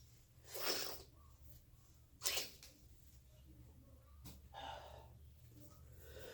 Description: Lots of sneezes. I feel miserable.